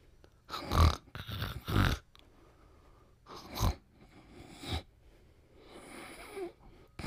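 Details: Sleeping dog snoring and dreaming: irregular snorting, rumbling breaths with a few softer wheezy snuffles, about five breath noises in seven seconds.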